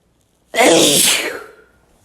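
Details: Sneeze from a compilation: one loud, explosive sneeze bursting out suddenly and fading over about a second, in a quiet room.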